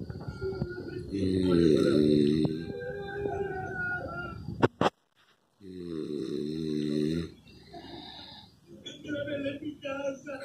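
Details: Snoring.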